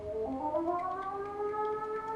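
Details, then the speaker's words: Phacoemulsification on a new artificial model eye (simulated surgery), irrigation-aspiration of cortex: rising, sliding electronic machine tones as vacuum builds when cortex occludes the aspiration port, showing where cortex remains. "you can see the vacuum blowing up that means that there is cortex and it's important to identify where cortex is"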